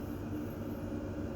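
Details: Everflo oxygen concentrator running: a steady low mechanical hum with no alarms or irregular pulsing.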